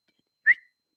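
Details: Adult woman with Tourette syndrome, diagnosed at about age 27-28, letting tics show unsuppressed; her vocal tics include noises, grunts, repeated phrases and a whistle, and they wax and wane. Finding: vocal tic (whistle) in Tourette syndrome.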